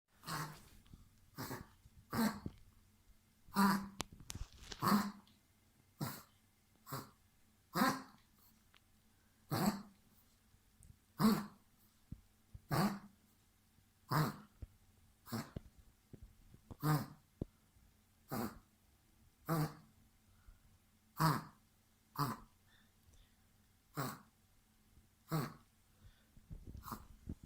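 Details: Dog coughing, with about twenty short, harsh coughing bursts in a steady run, each followed by a brief pause. A vet diagnosed cough and prescribed two children's syrups dosed by age and weight.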